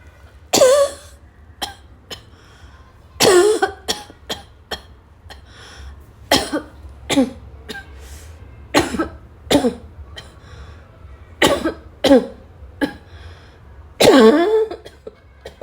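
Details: Afternoon coughing fit, possibly in a girl, that started weak and became violent: about eight strong, forceful coughs in a prolonged fit, with smaller coughs, throat clearing and snorts between them.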